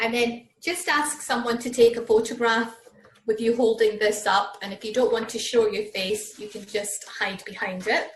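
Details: Adult woman; typical speech.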